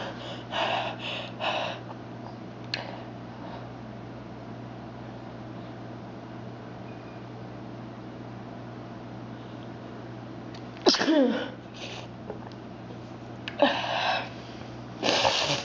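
Sharp nasal snorts and short bursts of air over steady room hum, fitting a run of small sneezes.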